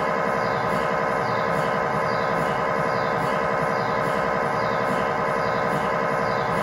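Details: Loud continuous droning buzz with steady rhythmic pulsing and whooshing sweeps during a tibia/fibula lower-leg MRI sequence with a GE high-definition lower-extremity coil (stated as 16 or 8 channel), test scan in scan room; normal MRI noise.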